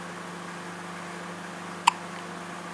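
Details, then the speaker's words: A single sharp hiccup from a young child who is being encouraged to keep hiccuping, heard against a steady low room hum. "show me the hiccups yes more please and some more now now now hiccups hiccups how many hiccups can you do in one minute"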